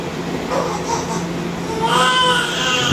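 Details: Thin, high, wavering first cries from a newborn just after a normal vaginal delivery, heard over room noise and an adult voice.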